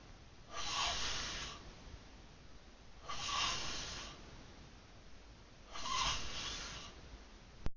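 Three long, rough, noisy breaths about three seconds apart, roughly 23 a minute, with quiet gaps between: snoring during sleep.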